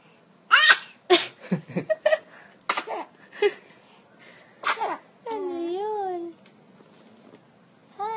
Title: This is how 2months old baby sneezed